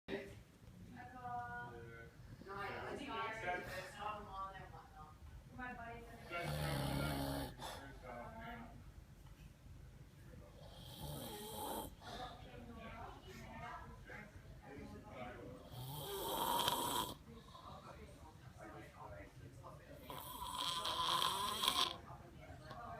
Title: Christmas Day snore